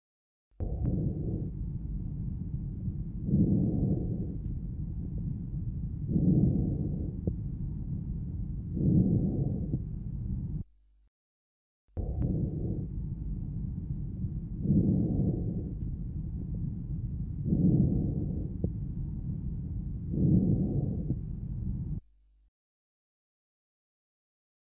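Soft, low-pitched rustling breaths, about four cycles in each of two ten-second runs, louder on inspiration: normal vesicular breath sounds.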